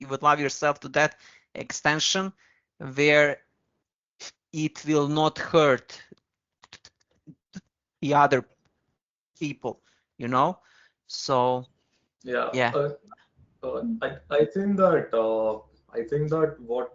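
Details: Man with a stammer who once spoke very slowly to control it; stuttering in conversational speech.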